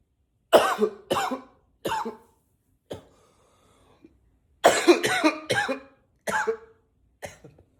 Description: coughing a lot, sometimes i try to cough with a deeper voice